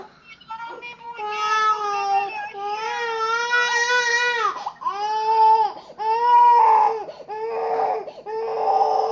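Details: A little baby girl crying.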